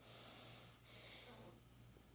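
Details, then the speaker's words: Nasal pillow CPAP mask with inflating balloon-like cushion at pressure setting 12: steady soft airflow hiss, low machine hum and gentle breathing, well-diffused exhalation angled upward; no leak noise. "So we are running at that 12 right now. Well diffused exhalation. It kind of comes out at a little bit of an angle upward, and I lose feeling of it right about there."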